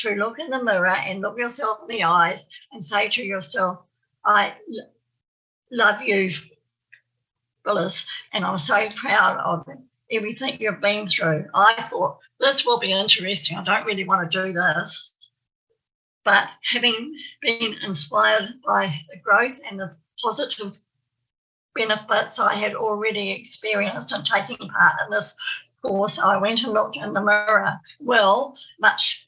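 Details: Real stammer (stuttering) in an adult woman from New Zealand who says she has a stammer, heard while she gives a conference presentation; stuttering.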